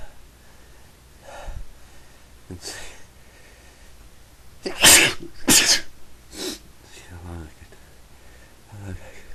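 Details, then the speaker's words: Sneezing: a sharp inward breath, then two loud sneezes in quick succession and a smaller third burst, recorded on a day of frequent sneezing. "I've been sneezing a lot today so I thought I would take the need to make a recording"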